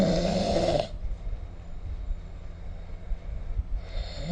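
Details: Loud, low, rough snore ending in a pause of quieter breathing before the next snore, recorded in sleep with the SnoreLab app.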